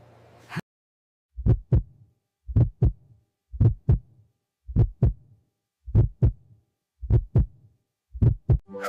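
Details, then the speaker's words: Simulated puppy vet visit in an animated English lesson: regular strong paired thumps about 53 a minute heard by stethoscope, normal heart sounds of a puppy that swallowed a baseball. "Your heart sounds very strong and healthy, boy."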